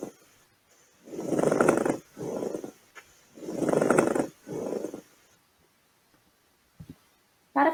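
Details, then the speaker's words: Pleural friction rub: coarse, irregular, grating creaks with each breath, most intense on inspiration, like two pieces of leather rubbing. It is most commonly heard over the lower axillary regions, and its main cause is pleurisy. "em usou aflitos neural que é um som de ruído irregular diz continuar muito intenso na inspiração parece um ranger entre duas peças de couro ou uma gripe forte entre as mãos"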